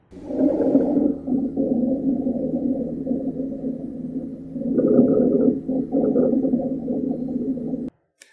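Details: Rhonchi demonstrated as a teaching lung-sound example in a nursing head-to-toe assessment demo: a low-pitched, continuous snoring rumble through the breath sounds, from secretions in larger airways.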